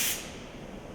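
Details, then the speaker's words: Class III composite restoration demonstration: after 30-second etching, with the adjacent tooth protected by a celluloid matrix, the cavity is rinsed gently so collagen fibers don't collapse. A brief sharp hiss of spray fades to quiet: dental air-water syringe spray. "we just render it the cavity not so hard so that in team collagen fibers will not collapse"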